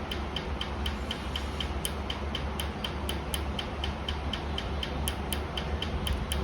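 Rapid sharp clicks, about four a second, over a low room hum; laser firing pulses during tattoo removal.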